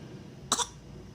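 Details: Infant acting out crying, laughing and coughing: one brief, light, playful acted cough over faint background noise; cough.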